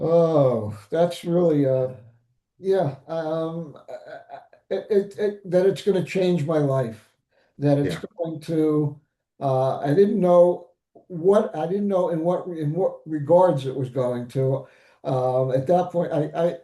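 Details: Aphasia after stroke in an adult male survivor (older father of an adult son).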